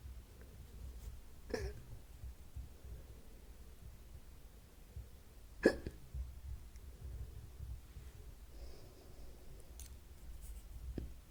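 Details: Hiccups recorded for ASMR: quiet room noise with about three abrupt, short hiccup sounds over eleven seconds, one clearly louder.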